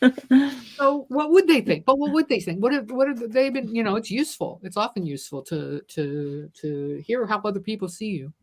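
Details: Adult woman who stutters and describes herself as a person with a disability; word repetitions heard in her speech; stuttering.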